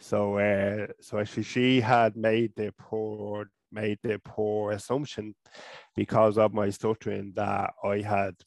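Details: Adult man from Ireland who stutters, first seen by a speech therapist around age 5 or 6.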